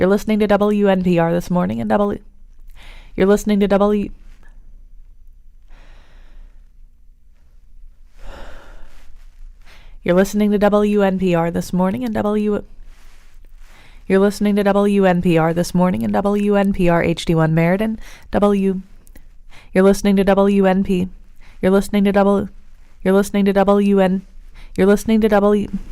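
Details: Female radio announcer, 2013 archive audio, with a speech disfluency around saying 'W' that arose after conflicting listener feedback, repeatedly restarting a station ID; speech disfluency with blocking.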